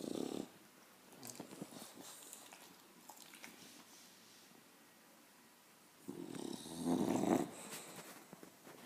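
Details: English bulldog puppy snoring hard while sleeping, as it reportedly does every time and very loudly: harsh, rumbling snorts on the breaths with quieter stretches between.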